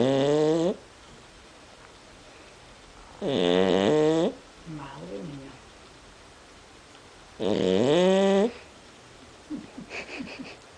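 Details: Female dog, half-asleep and apparently awake at times, gives three long, loud, tonal snores about 14 a minute with soft breathing and snuffling between them: snoring.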